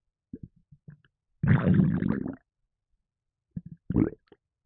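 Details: Long, loud, low croaking burp after small gurgles, with a shorter burp near the end; belching of swallowed gas after drinking a can of Red Bull energy drink that caused stomach havoc and gassiness.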